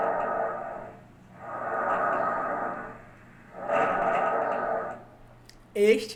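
Two soft, rushing breath cycles with inhale and exhale of similar length, a normal bronchovesicular breath sound; a voice begins at the end.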